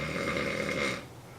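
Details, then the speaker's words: Adult man asleep on his side in a shared hotel room gives a single harsh, rattling snore lasting about a second, then quiet room noise. "you know when you're staying at a convention and you're in the hotel you're sharing the room with friends there's that one guy that snores listen to that it sounds painful"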